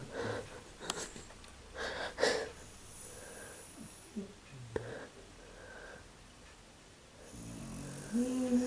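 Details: Irregular snoring breaths with high whistling, wheeze-like sounds on some breaths and faint snorts from a sleeping mother; unusual snoring with wheezy whistling.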